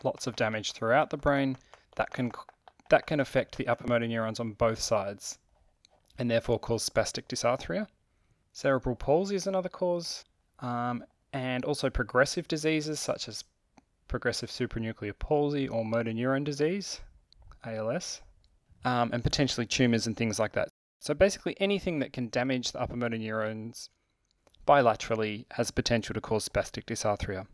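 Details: Adult male speaker; ordinary speech.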